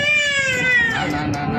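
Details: Baby girl crying during a health care procedure in a lab, adult offering chocolate to soothe her; sustained, loud, high-pitched wail with background noise.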